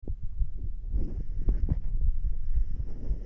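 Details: Low, dull, normal heart sounds recorded while standing, in a rumbling, noisy recording.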